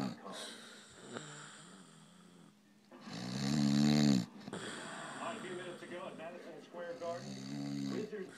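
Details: Loud, rough snores from a sleeping man with a television left on in the background, advertisement talk audible; snoring.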